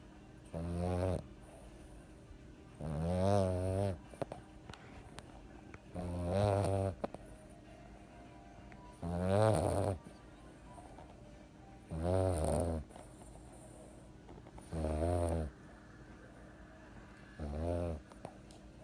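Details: Midday nap snoring: steady rhythmic rumbling snores, about 21 per minute, each lasting about a second.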